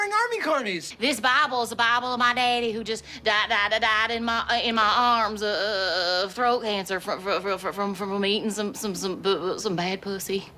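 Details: Acted stuttering by a character in a TV comedy clip; stuttering (acted).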